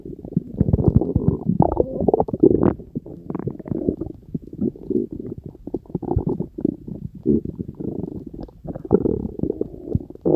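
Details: Continuous low gurgling and rumbling from the belly with irregular bursts; stomach growling, bowel sounds (borborygmi).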